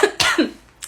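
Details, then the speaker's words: Adult acts out embarrassment at coughing in public, giving two short, throaty dry cough bursts close together, then a faint breath, blaming a tickle in the throat; simulated single coughing episode. "sorry. No, I'm fine. Sorry, it's just like a tickle in my throat."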